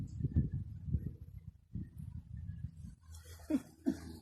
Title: Snoring Shihtzu